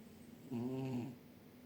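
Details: Sleeping orange cat, on a chair with a paw over his face, snoring gently: a single soft, low, buzzing snore about half a second long over quiet room noise.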